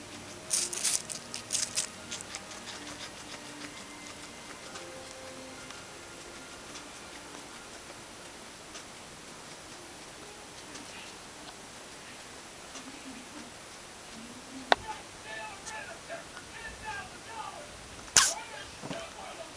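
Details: Guinea pig eating an apple: rapid crunchy chewing broken by two sharp, tiny sneezes.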